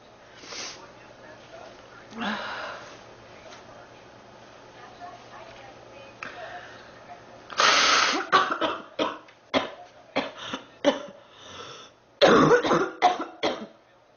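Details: Girl sick for about 3 weeks, feeling hot and unwell: quiet sighs and throat sounds, then a run of about ten harsh coughs in quick bursts; repeated, persistent cough.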